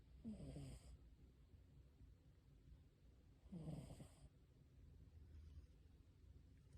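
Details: Soft, low, rumbling snores, two breaths about three seconds apart; quiet, harmless snoring.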